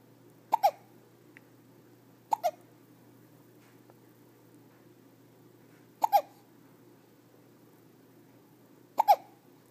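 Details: Hiccups on day 7: four hiccups at uneven intervals over about ten seconds, each a quick double catch of breath with a short voiced squeak.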